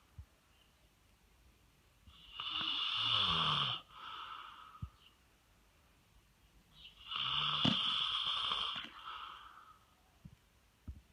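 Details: Snoring from a man-versus-dog snoring competition: two loud, harsh snores about five seconds apart, each a rattling inward breath then a softer outward part, in a quiet room.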